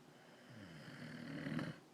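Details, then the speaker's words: Husband who denies snoring gives a single rising, rattling inhaled snore lasting under two seconds, in a quiet room. "was that i think that's snoring if you ask me oh stop snoring"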